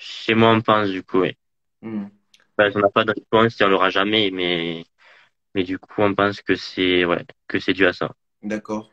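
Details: Adult male who stutters, a student residence animator, interviewed in French; stuttering.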